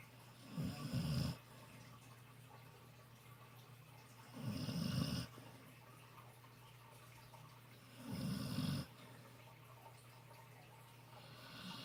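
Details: Snoring during a nap with face in the sun: slow, regular low rumbling snores, about 16 a minute, each on a breath, with quiet pauses between; ordinary snoring.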